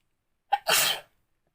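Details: A single sneeze from an adult woman, induced by pepper: a brief catch of breath, then a sharp, hissing burst of air.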